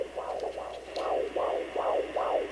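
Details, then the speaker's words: Fetal heartbeat on home Doppler in a monoamniotic twin pregnancy: rapid, regular whooshing pulses about 150/min over faint hiss, one twin's heartbeat found. "that that's one heartbeat so then the hard thing is trying to find the other one because sometimes right on top of each other"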